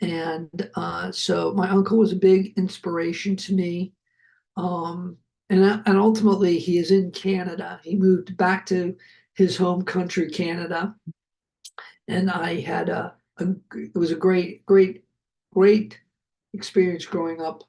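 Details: Adult male Hollywood producer who survived a heart attack and aphasia, speaking in an interview. Finding: aphasia.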